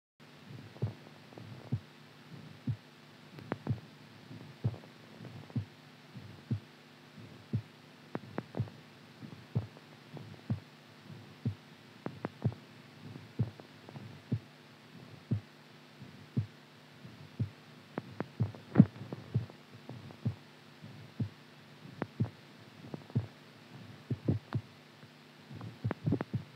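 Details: Muffled heartbeats at about 70 a minute with uneven spacing and occasional bunched extra beats over a steady hum; irregular heartbeat.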